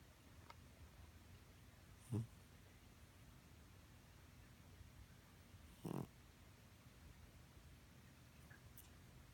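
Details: Senior cat, lifelong occasional loud snorer, never congested and judged okay by vet, giving two short, low snoring snorts while asleep in a quiet room.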